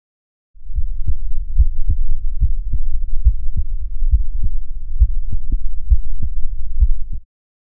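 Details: Self-recorded normal adult heart sounds via homemade electronic stetoscope (stethoscope head, tubing, electret microphone): regular paired S1 and S2 at about 72 beats a minute.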